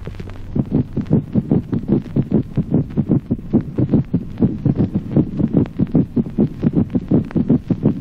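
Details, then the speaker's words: Rapid, irregular heart sounds in rapid atrial fibrillation with mitral stenosis: a mitral opening snap in early diastole; because the cardiac events follow each other so fast, the protodiastolic gallop rhythm is barely perceptible. "ejemplo 18o chasquido de apertura mitral en la fibrilación rápida a consecuencia de la sucesión Veloz de los fenómenos cardíacos el ritmo de galope protodiastólico es apenas"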